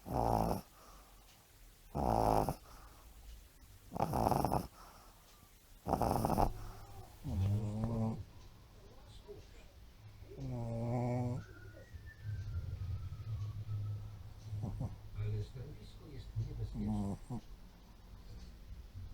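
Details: Pug (flat-faced dog) snoring compilation: series of loud, snorting, rattling snores with grunting, whistling inhaled breaths; noisy snoring.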